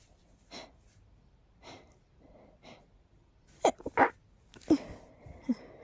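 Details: Several soft sniffs build up, then four sharp sneezes in quick succession; allergic sneezing from pollen, with a nose that is tickly and stuffy all the time.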